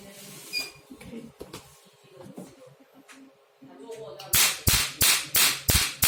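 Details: Sharp, evenly spaced snapping pulses, about three per second, after quiet room sounds: a handheld pico laser firing a test with its 755 nm tip, operator wearing protective glasses.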